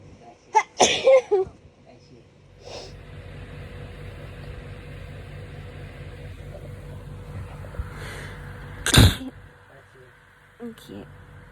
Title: My hayfever sneezes compilation